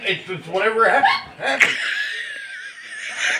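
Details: Husband's hiccups: a sudden sharp, high-pitched hiccup breaking through speech and laughter, followed by a trailing squeaky voice likened to a little girl's.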